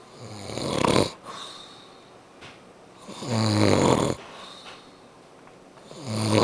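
Loud rattling snores on each breath in, with quieter breathing between.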